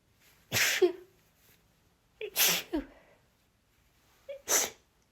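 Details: Nonstop breathy, breathless sneezing fit (23 sneezes in total): three breathy sneezes in quick succession, each preceded by a short inhaled catch.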